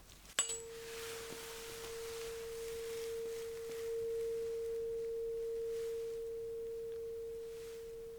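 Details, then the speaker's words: Simulated ASMR cranial nerve exam hearing test: the highest-pitched tuning fork is struck first and placed on the bone by the ear, giving a steady pure ringing tone that fades slowly until no longer heard. "let's start with the highest one okay and then we'll switch to uh the other ones which produce a little bit of a lower sound okay"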